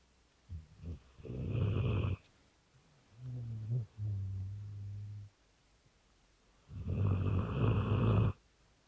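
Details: Rottweiler snoring in the middle of the night: loud, rough, fluttering snores with a softer whistling groan between them during sleep.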